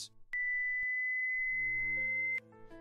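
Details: A steady, high-pitched pure tone lasting about two seconds over soft background music: a simulated pure-tone audiometry test tone, as used in a soundproof room to measure the quietest sounds heard.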